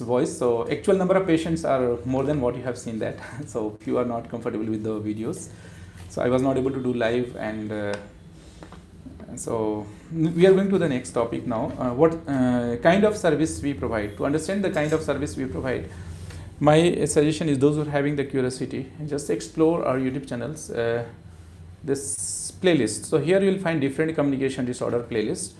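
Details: Adult male speaker; ordinary speech.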